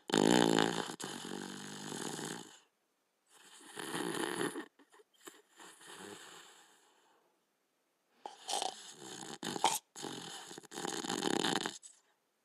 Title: Border Collie Dog Sleeping & Snoring